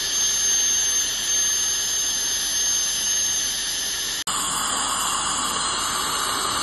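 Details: Dental hygiene cleaning with scaler and airflow air-polishing: steady high-pitched hiss and whine of instruments running, with a brief cut-out before the sound resumes.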